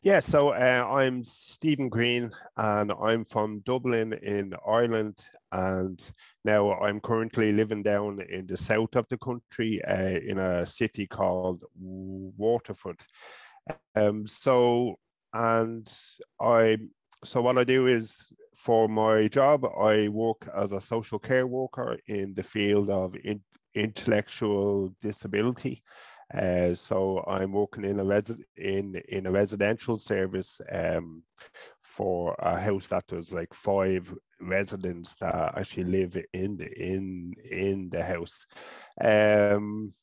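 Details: Adult man from Ireland who has stuttered since about age five or six, with blocks, avoidance, word substitution and filler words; he still stutters openly.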